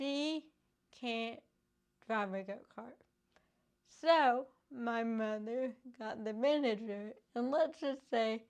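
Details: Adult woman with cerebral palsy caused by lack of oxygen and bleeding in the brain before birth, affecting her speech; dysarthria (cerebral palsy).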